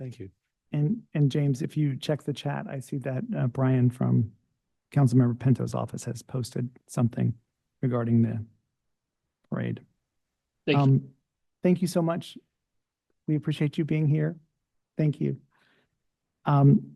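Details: Adult speaker; normal voice.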